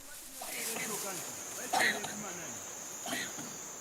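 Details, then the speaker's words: Coughing from several chimpanzees in a community suffering a respiratory ailment, recorded while they gathered quietly around a 9-year-old chimp that died of pneumonia. "Many members of the community at the time this video was recorded last fall were suffering from a respiratory ailment. And you can actually hear several chimps coughing."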